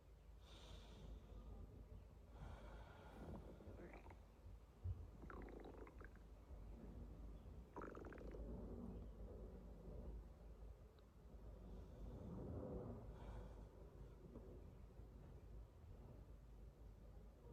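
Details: Girl's stomach growling just after waking up: low, irregular gurgling and rumbling under a steady background hum.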